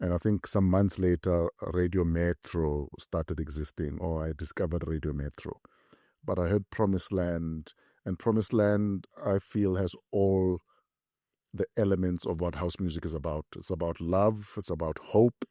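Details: Adult male speaker; normal speech.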